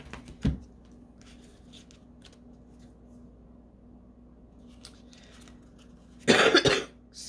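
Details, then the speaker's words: A single loud, harsh cough in a quiet room from an adult former smoker, who says it sounded like the bronchitis she used to get when smoking; a cough. "excuse me oh that cough didn't sound good did it that sounding cough sounded like when I used to smoke and I would get bronchitis that is not good"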